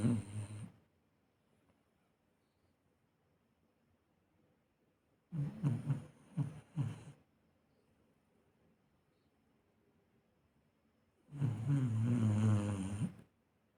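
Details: Snoring while asleep on guard duty: low rattling snores recurring about every five to six seconds with quiet pauses between.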